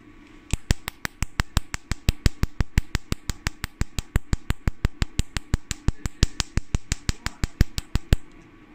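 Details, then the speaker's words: Portable Nd:YAG laser in carbon peel mode, frequency about 5–6, power 300–400, carbon visibly disappearing: rapid, regular sharp snapping pops, about 87 a minute; laser firing pulses. "you can see the carbon disappear right mitra can you see that the carbon disappear you can see that can you see"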